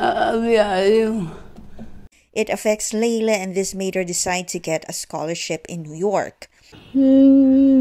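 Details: Adult narrator; normal adult speech.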